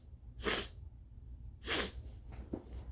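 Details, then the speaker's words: Sneezes deliberately forced with turmeric in the nose while leaning back, turmeric burning and congesting: two sharp sneezes close together, followed by a faint sniff. "now I'm just going to do the same thing I'm just going to lean back and wait for the sneeze to come"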